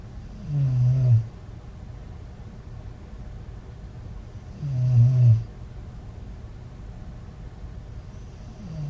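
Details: A woman snores with two low, rumbling snores on inhalation, about four seconds apart, in a quiet room. She is on days 8–9 of aiueo mouth exercises to reduce snoring and has recently had severe teeth clenching.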